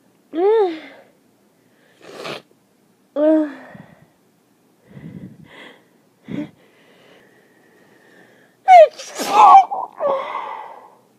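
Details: Repeated forceful, wet sneezes, several with a sharp in-breath, then sniffing: morning allergic sneezing blamed on end-of-summer pollen; allergy pills mentioned.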